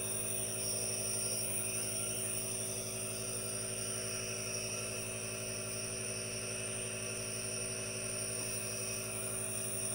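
Steady mechanical hum and hiss from a running nebulizer compressor, with no pauses.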